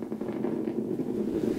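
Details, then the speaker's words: Needle EMG, medial gastrocnemius muscle, subject pushing down: very normal motor unit sound, unlike abnormal units which thump loudly like an idling motorcycle. "and this is a very very normal sound the abnormal motor unit sound will be thumping and will be very very loud like a motorcycle idling"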